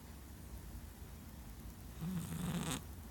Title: Not so dainty snores